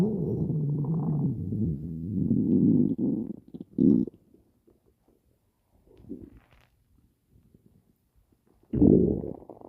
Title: Stomach Growling